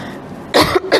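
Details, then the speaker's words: Adult female religious speaker coughing mid-lecture: two short, harsh cough bursts with a throat-clearing quality over quiet room noise; ordinary cough. "Ustazah kalau dah batuk memang kena berhenti tuan-puan. Sebab dia payah sikit nak apa, nak reda bila dah datang batuk."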